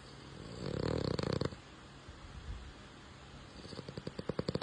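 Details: Young French bulldog snoring in sleep: a low, rumbling, fluttering snore with a brief louder burst, then soft, rhythmic snuffling puffs.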